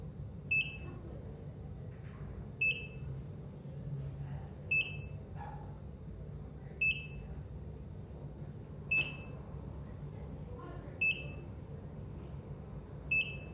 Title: Amazing ECG/EKG Sounds, Heart Monitor, Electrocardiogram, Relaxing ECG Monitor Beep, Hospital Sounds